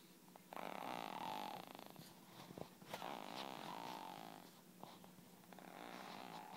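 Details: Snoring recorded in 2011: soft, irregular snorting snores with nasal whistling tones over quiet room noise.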